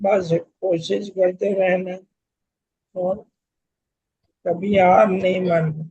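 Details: Man with motor neuron disease (ALS) doing speech therapy and tongue exercises since 2021, who reports his voice is now much better than before: dysarthria in motor neuron disease (ALS)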